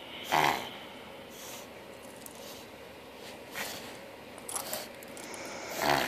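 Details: Pug with several loud, honking snorts through the nose, typical of a reverse sneezing episode.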